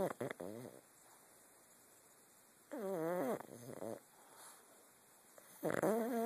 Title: snoring